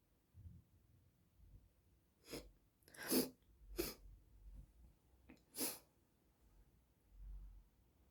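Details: Four sharp sneezes over several seconds with quiet sniffly breathing between; very snotty sneezing during a cold.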